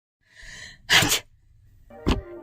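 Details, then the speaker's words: A single sneeze: a short indrawn breath, then one sharp, explosive sneeze, followed by a brief musical note. "तो जब कोई particle जैसे dust या पॉलंस हमारे नाक के अंदर घुस जाते हैं तो यह सिग्नल सीधा ब्रेन के पास पहुंच जाता है।"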